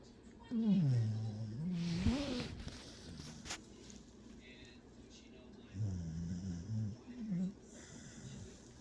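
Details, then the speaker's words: Sleeping beagle snoring hard: low, groaning, snore-like noises in a few bursts with quiet room sound between; snoring. "Somebody's making some noises in their little dreamy world."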